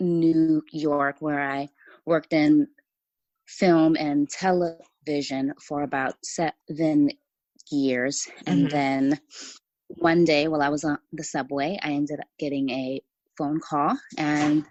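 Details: Stuttering in an adult woman writer who says she has a stutter that listeners may hear.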